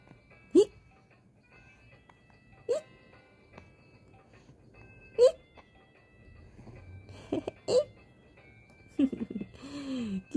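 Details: 122-day-old baby boy, upset after a late diaper change, with brief sharp hiccup catches every couple of seconds and soft fussing near the end; infant hiccups.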